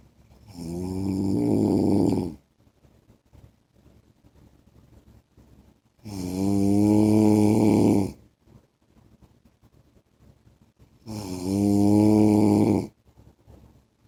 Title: 10 MINUTES MY HUSBAND'S SNORING SOUND